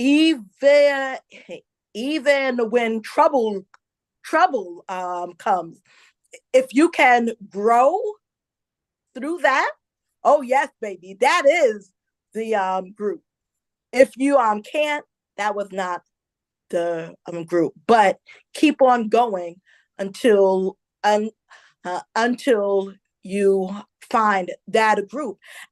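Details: Adult woman, a self-described stutterer who stuttered a lot as a child, also reports a traumatic brain injury from a 2012 accident; stuttering.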